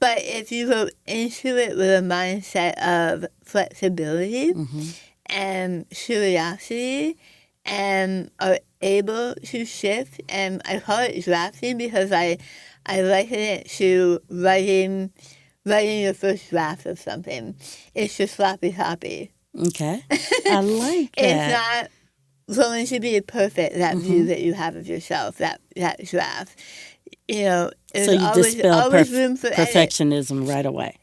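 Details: Adult woman after stage 4 tongue cancer, over half of tongue removed and reconstructed with arm-skin flap, plus chemotherapy, radiation and speech therapy; altered articulation after partial glossectomy.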